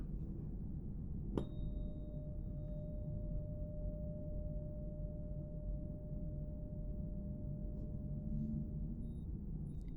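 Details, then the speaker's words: A tuning fork is struck and rings a pure, steady tone that slowly fades, during an acted hearing-test role-play. "This is a 128 hertz tuning fork, German made, ironically enough. Can you hear this?"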